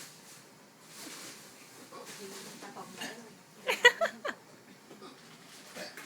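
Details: Hiccups in a hospital room where a grandfather is a patient and the woman caring for him hiccups whenever he does: quiet talk with several short, abrupt catching sounds in quick succession.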